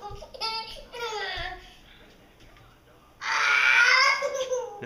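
Short whimpering cries followed by a longer, louder wailing cry from a young child; ordinary crying.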